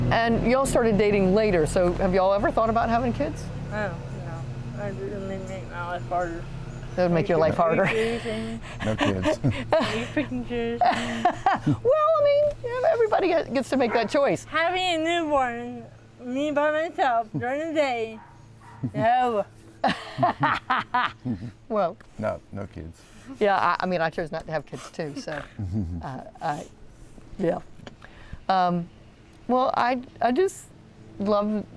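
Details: 40-year-old woman with athetoid cerebral palsy, GMFCS level 3/4, moderate to severe quadriplegia, uses walker and power wheelchair; speech may be hard to understand; dysarthria (athetoid cerebral palsy).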